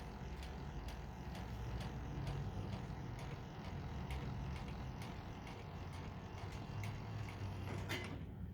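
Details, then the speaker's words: Full electric hospital bed lowering from the hand control's down arrow: a steady low motor drone with faint, regular ticking for several seconds. "this middle part right here this will raise the entire bed itself and if you want to lower it just this down arrow right"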